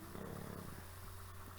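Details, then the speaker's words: The speaker's two girls snoring nearby during a crochet tutorial, heard faintly in the background as heavy breathing; snoring. "I do a apologize if you can hear my two girls snoring away next to"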